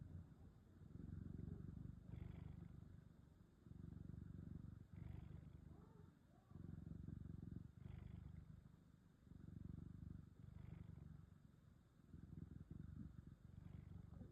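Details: Low, rumbling noise rising and falling in steady cycles of about two to three seconds from a small cat napping in the sun: snoring.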